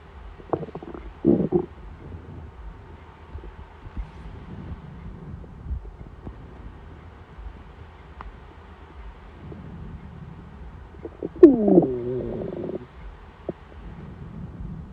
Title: my hungry tummy rumbling before dinner